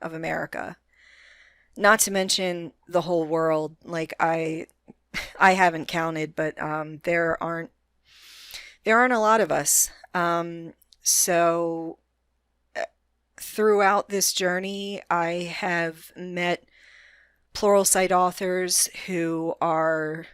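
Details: Adult woman with a self-described moderate, not severe, stutter that is audible but which she can control most of the time; stuttering.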